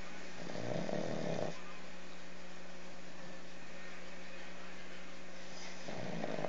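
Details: Pugs snoring.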